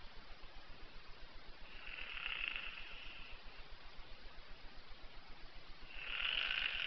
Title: Snoring Donald duck